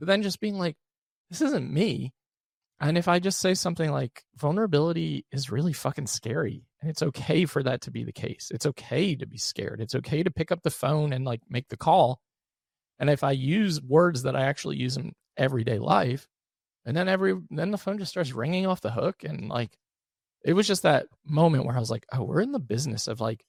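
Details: Adult man with one vocal cord paralysed after open throat surgery for a rare, chronic, recurring throat condition (endoscopic surgery in 2021, recurred within 4 months); voice improved but still fatigues daily, with vocal fry; unilateral vocal cord paralysis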